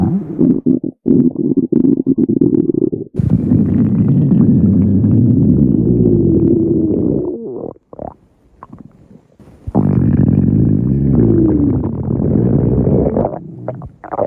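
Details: Hungry dog's stomach growling: long, low gurgling rumbles with brief breaks, normal digestive sounds.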